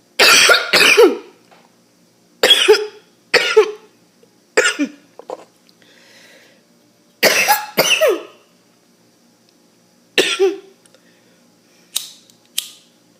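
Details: Repeated harsh, explosive coughs in paired bursts, about ten over thirteen seconds with brief pauses; harsh choking-like coughing fit.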